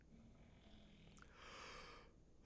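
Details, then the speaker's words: Single soft, noisy snorting breath over low room hum from a sleeping pet; snoring. "can you hear the baby snore snore i love him he's a baby"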